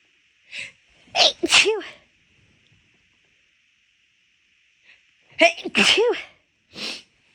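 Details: Several big, rapid sneezes in two quick clusters, each with a sharp intake and a loud voiced burst; induced repeated sneezing while the nose already felt off midway through a walk.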